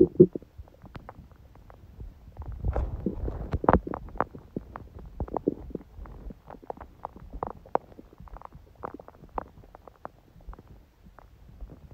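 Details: Quiet stomach sounds recorded on a day with a smoothie breakfast and salad, little hunger growling: soft, frequent gurgles and faint clicks throughout; normal bowel sounds.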